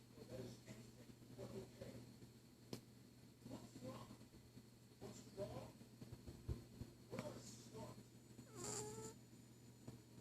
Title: Just a cat snoring